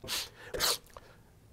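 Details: Adult man, a public commentator noted to sniffle a lot, in a supercut of speaking clips: a single forceful, noisy sneeze with a sharp intake of breath just before the burst.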